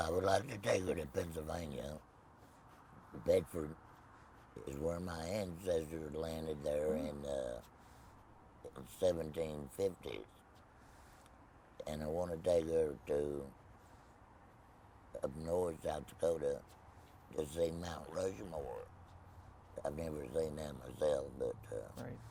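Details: Tracheoesophageal speech in an adult man after laryngectomy for laryngeal cancer, no voice box, speaking with a Provox voice prosthesis.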